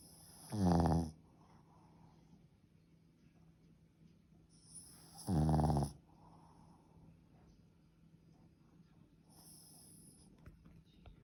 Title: BOSTON TERRIER SNORING